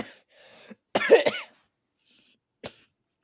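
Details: A child gives an intense, short, forceful voiced cough of two quick bursts, then a faint catch after a pause.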